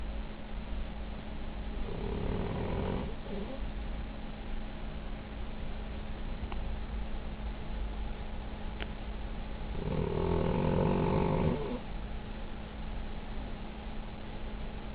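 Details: Cavalier King Charles Spaniel sleeping with head on a printer, snoring: low rumbling snoring breaths, two long snores over fifteen seconds against steady background hum.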